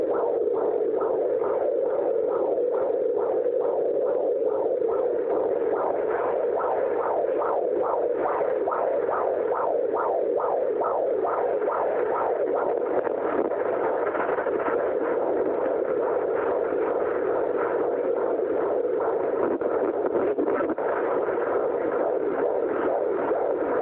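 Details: Fetal heartbeat at 31 weeks of pregnancy on a fetal heartbeat monitor (Doppler): rapid, regular whooshing pulses at about 140 beats per minute.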